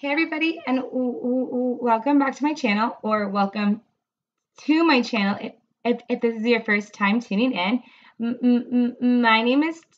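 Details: Adult woman, a speech-language pathologist who stutters, reading a passage aloud; she reports much more severe stuttering when reading than in conversation, and a lot of stuttering that night; stuttering.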